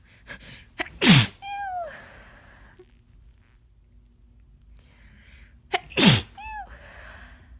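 Two forceful, wet sneezes, each with a sharp in-breath before it and a short exhale after, in a quiet room. Sneezing with a cold.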